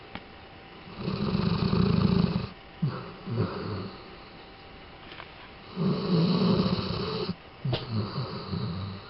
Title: Tobi snoring..